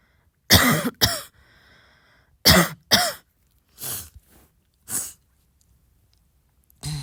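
A few short, soft coughs in a quiet room, some in pairs, about six bursts in seven seconds.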